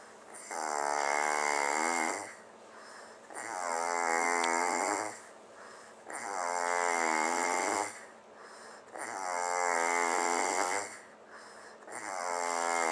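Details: Person sleeping after a spring break party, snoring: loud, regular buzzing snores with each breath, about 21 a minute, separated by quieter exhales, with room background.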